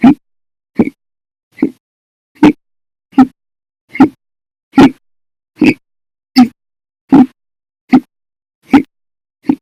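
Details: Bout of violent, loud hiccups lasting 13 hours 32 minutes, starting after breakfast, lunch and a cup of soda after dinner: thirteen short, abrupt gulping sounds at regular intervals, about 80 a minute, separated by silence. Hiccups.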